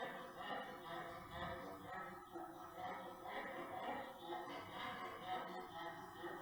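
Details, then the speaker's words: Brachycephalic dog: high-pitched, harsh noisy breathing, stridor, which in a brachycephalic dog indicates the larynx as the source, per the BOAS respiratory functional grading scheme. "is larynx okay so that's larynx if you hear that in a brachiophilic dog it's larynx"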